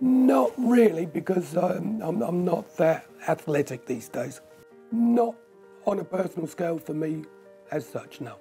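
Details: Adult male, tracheostomy for two years after severe breathing problems, blocks the uncovered tube with a finger to speak, pauses for breath and gets short of breath; speech with a tracheostomy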